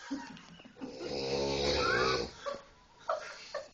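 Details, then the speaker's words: Adult male friend asleep in a small room, snoring with one long, loud, buzzing snore that has a rattling, almost musical, tenor-like tone, then softer breathing: snoring. "y lo peor es que ronca por las pompas"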